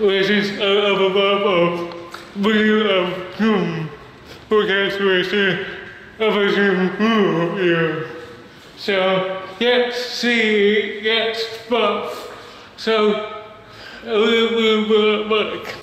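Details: Adult male with cerebral palsy and a speech disability; dysarthria (cerebral palsy).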